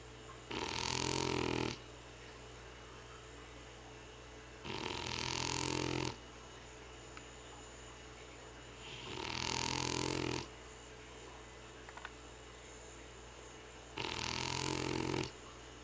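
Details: Loud, harsh snores with each breath in, four over about sixteen seconds, with quiet breathing between, from a French/English Bulldog mix: snoring in a short-nosed dog.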